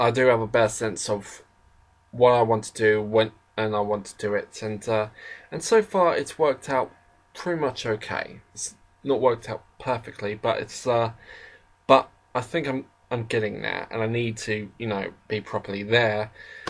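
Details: Adult man with a stammer that was worse in his school years; he describes episodes of sentences getting jumbled mid-sentence. Stuttering.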